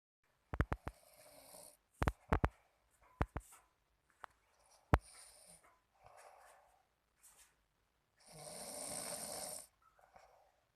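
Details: Sleeping younger sibling snoring: irregular snorts and sharp clicking catches, then one long rasping snore in a quiet room.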